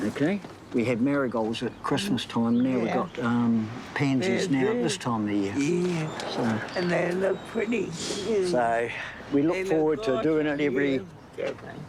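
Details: Adult man speaking; Normal speech.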